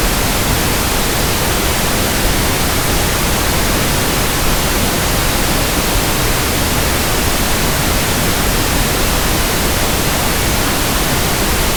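Steady, even hiss with a soft, full-bodied static quality, a simulated pink-noise sample for matching tinnitus sounds.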